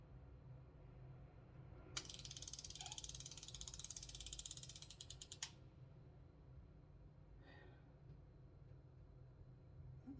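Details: Ozempic (semaglutide) pen injected at 90 degrees into the abdomen, two fingers from the navel, at a doubled dose: a rapid run of fine mechanical clicks for about three and a half seconds as the pen delivers the dose.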